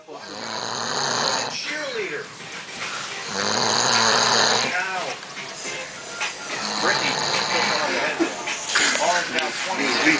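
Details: Man (Lolo) caught sleeping on a trip, compared to a bear and a motorcycle: loud, harsh snores with gravelly rattling on each breath, background music and voices; heavy snoring.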